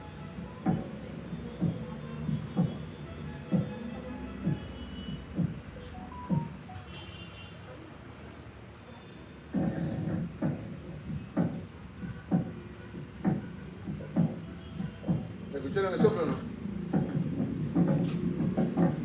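Regular heartbeats at about 64 a minute, with a soft blowing sound filling the pause after each second sound: an aortic regurgitation murmur.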